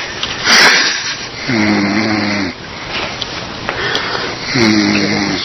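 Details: Snoring from a sleeping person: two rough, buzzing inhaled snores about three seconds apart, with a sniff between them and faint room noise.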